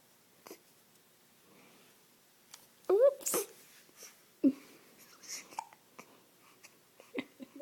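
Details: Child with hiccups, brief sharp voiced hiccup sounds mixed with breathy laughter in a quiet room.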